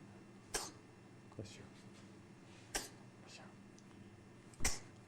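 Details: An infant sneezes three times in quick, sharp bursts a few seconds apart over steady low room hum; recorded in 1994.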